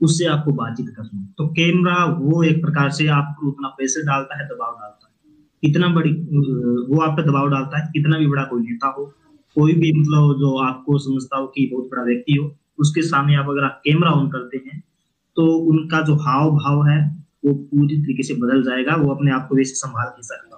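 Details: Adult man speaking Hindi; ordinary speech.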